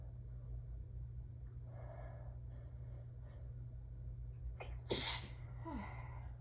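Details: End of an allergic sneezing fit, person holding a peppermint in the mouth: low room hum, a soft breath and one sharp sneeze near the end; sneezing.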